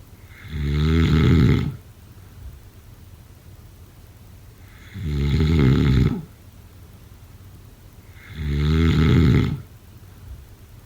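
Loud, rattling snores on each breath in, three in eleven seconds, with quiet breath out between; regular snoring at about 16 breaths a minute.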